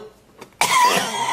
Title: coughing compilation | H3 Nostalgia